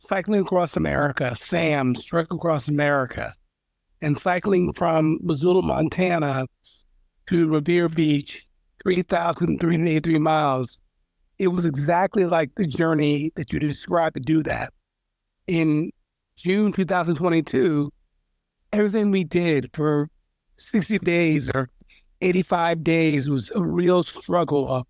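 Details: Aphasia after stroke in a man, an aphasia group member.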